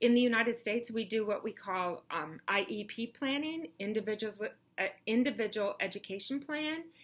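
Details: Adult woman; normal speech.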